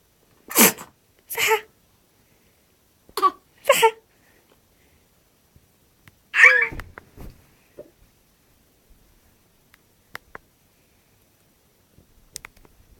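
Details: Baby sneezing: several short, sharp infant sneezes in a quiet room, followed by faint breathing.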